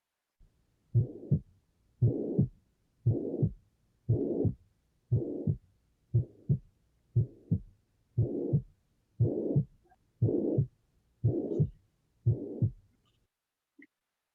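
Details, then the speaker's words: Tricuspid regurgitation holosystolic murmur, from backflow of blood from the ventricle to the atrium through an incompetent tricuspid valve, played as a cardiovascular examination teaching example. "estos se deben al flujo retrógrado de la sangre del ventrículo a la aurícula a través de una válvula mitral o trick hostil ya que sea incompetente"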